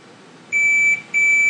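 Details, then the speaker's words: MEGAPOWER electrosurgical generator (Megadyne) CQM alarm during preventive maintenance with a Rigel Uni-Therm analyzer, sounding as the trim knob is turned up. Two steady high-pitched electronic beeps. "start rotating trim knob get me up until the alarm sounds"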